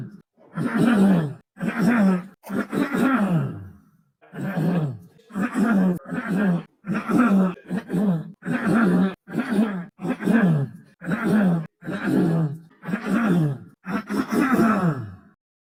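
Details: Adult man who has been coughing and clearing his throat a lot lately, compiled from one show: repeated throat clearing and coughs, about fifteen voiced bursts in quick succession.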